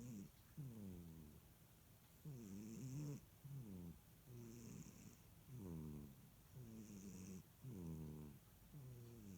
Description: Little Kat (CHARA) taking a cat nap and snoring